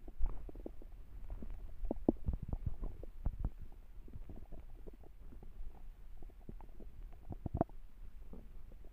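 Low, irregular gurgling and rumbling with scattered pops and squelches, typical stomach growling from gas and fluid moving in the gut.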